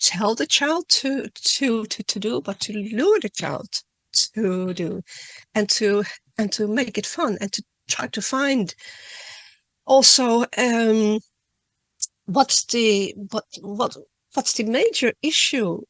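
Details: Adult woman who stutters, speaking at a stuttering conference; she reads her talk to reduce stuttering and says she stutters less the more she speaks publicly; real stuttering.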